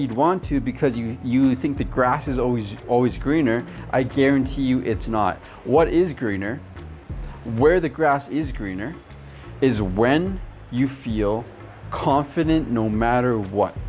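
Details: Adult man who stutters; stuttering.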